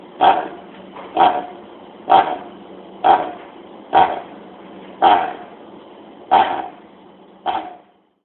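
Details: Dog with chronic goose honk cough, a key sign of tracheal collapse: eight harsh, honking coughs about once a second.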